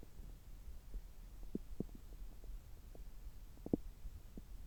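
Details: Abdominal sounds heard through a stethoscope about three hours after a meal: soft irregular gurgles and clicks over a quiet background; normal active bowel sounds.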